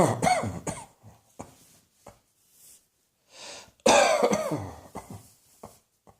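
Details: A cross-dressing person coughing: repeated harsh coughs in short clusters, with throat clearing between, in a quiet room: cough.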